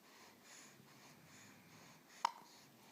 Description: Baby at 6 weeks old has the hiccups.